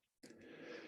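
Quiet breathy lead-in, then a sudden harsh, rough burst from the throat: a single deliberate throat clear, demonstrated on purpose.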